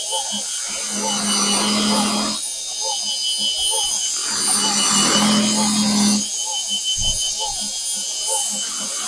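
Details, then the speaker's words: Swiss bone-level dental implant site preparation on a model, mandibular left first molar region: 3.7 mm diameter drill giving a high whine in two bursts with pauses, intermittent drilling following the path of least resistance. "So again in intermittent drilling and following the path of least resistance"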